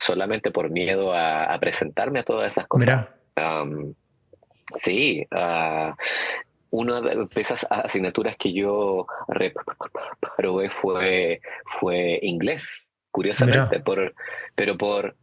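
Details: Adult man who stutters; stuttering.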